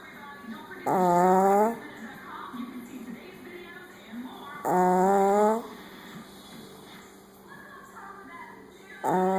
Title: Snoring Bones